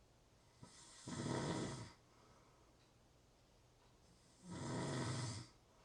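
An adult snores steadily, with a rough snore on each breath in about every three to four seconds and quiet pauses between them.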